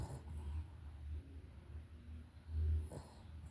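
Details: Dog napping and snoring, with soft, low rumbling breaths and snorting snores; ordinary snoring.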